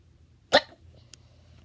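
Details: A single short, sharp hiccup-like burst in a quiet room, from a compilation of sneezes called annoying, so possibly a sneeze; hiccup.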